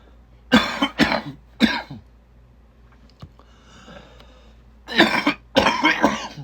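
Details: Coughing fit during a gaming commentary: three harsh coughs, a short pause with quiet breathing, then two more heavy coughs; the fit made the speaker quit.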